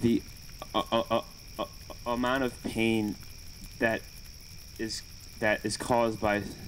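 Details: Speaker who stutters, with repetitions and fillers; stuttering.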